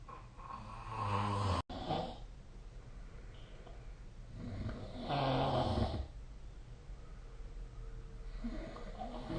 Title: 🐽 いびきの音 / Snoring Sleep Sound 2025/05/27